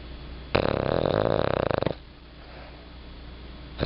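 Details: Female snoring: a single loud, rattling, vibrating inhaled snore lasting over a second, then quiet breathing.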